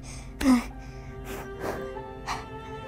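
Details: Vocal tic in a 13-year-old boy with Tourette syndrome whose tics include breath holding, random noises and throat clearing; he has a tic while speaking.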